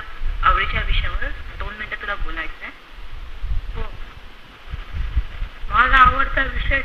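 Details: Puberphonia, a case recording of a Marathi-speaking patient before speech therapy.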